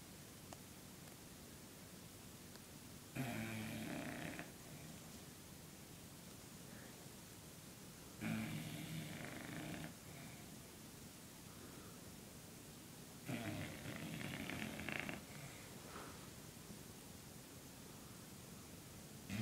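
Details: Three loud, rough snoring bursts about every five seconds over quiet room noise from an overweight dog in deep sleep.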